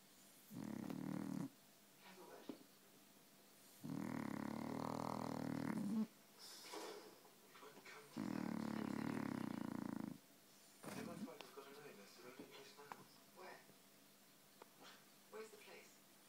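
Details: Sleeping dog: loud, rough, rumbling breath sounds in long bursts with quieter snuffles between them; snoring.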